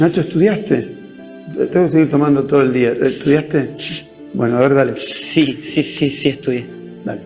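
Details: Adult male speaker, Spanish; ordinary speech.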